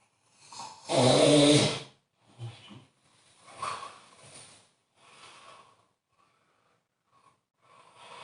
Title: snore snore